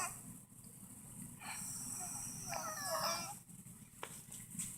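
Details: Elderly woman in a nursing home after hospitalization, face and neck swollen, MRSA infection reported: noisy breathing with a brief high, musical whistling wheeze.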